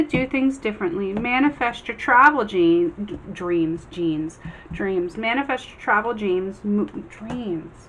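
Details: Adult woman with aphasia she attributes to epilepsy, speaking after a two-day migraine and not feeling well; aphasia with word-finding errors.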